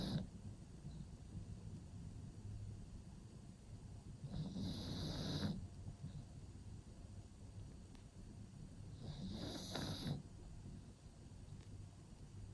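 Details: Pug sleeping in a cave-style pet bed: two long, rough snores with a hissing rush of air over low room hum; snoring.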